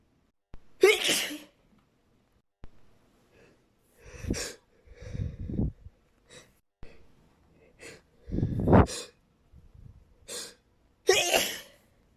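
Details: Repeated sneezing after pepper exposure: a run of loud, explosive sneezes with sharp intakes of breath between them.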